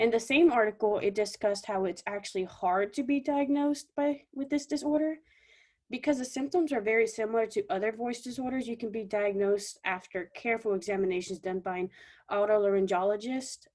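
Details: Adult woman speaking; normal voice.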